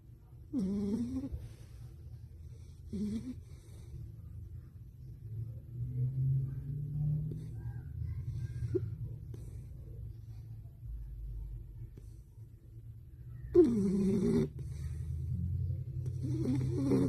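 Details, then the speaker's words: Sleeping female pup napping and dreaming: quiet low breathing with a few short whimpers and squeaks, then a louder snorting breath; snoring said to resemble her owner's. "Can't make this up. She snores just like her daddy."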